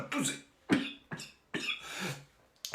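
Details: An adult woman who says she can't stop coughing gives about four short, harsh coughs in quick succession: dry cough.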